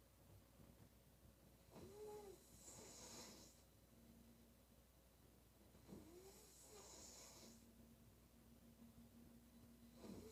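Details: Female soft snoring with whistling, snorting noises, about 15 breaths a minute, over steady room hum.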